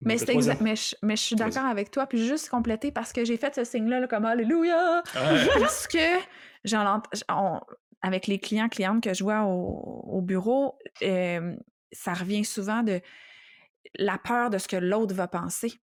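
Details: Adult woman speaking French; normal speech.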